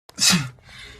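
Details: A comedy clip: a quick intake of breath, then one short sneeze that dies away into faint room noise: sneeze.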